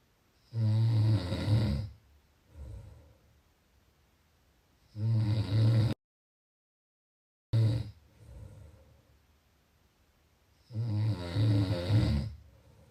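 Loud, rough snores on each breath in, with quieter breaths out between them, about five cycles over thirteen seconds.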